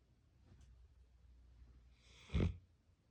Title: Tibetan Mastiff Sleeping Snoring #tibetanmastiffpuppies #puppy #amsr